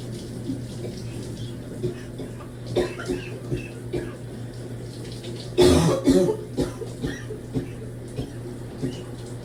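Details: Person trying to clear phlegm in the shower: several deep, harsh, barking coughs with a wet, loose quality over running water, at times severe enough to double them over; productive cough.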